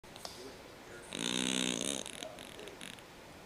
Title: My cat snoring